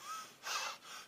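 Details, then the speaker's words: Adult, during a livestream, notices his own breathing has a faint high whistling tone and says he is wheezing without knowing why; wheezing. "you hear that i'm like wheezing i don't know why"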